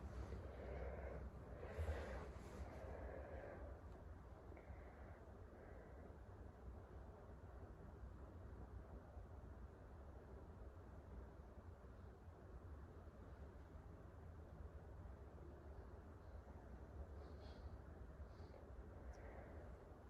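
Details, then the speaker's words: Steady, low stethoscope rumble over the bilateral renal arteries during a focused abdominal assessment, with no whooshing bruit: a normal finding with no abnormalities. "i listen for 15 seconds and now i will be auscultating the bilateral renal arteries"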